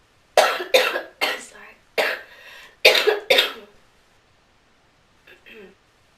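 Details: A fit of six harsh coughs in quick succession, then brief quiet, in a smoker who asks for her inhaler afterwards; coughing bout.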